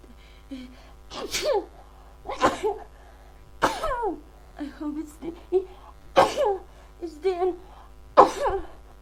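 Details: Huge sneezing fit: five or six forceful sneezes in quick succession, each with a sharp inward gasp before it; the person is unsure whether it is a cold or allergies.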